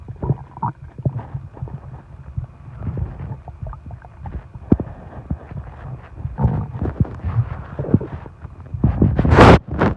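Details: Stomach growling after eating a lot and drinking soda; irregular low gurgles, rumbles and squelches with a louder gurgling burst near the end. Borborygmi.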